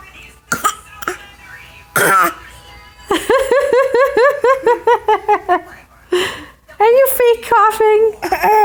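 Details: Young child deliberately fake coughing: short, playful pretend coughs mixed with voiced sounds.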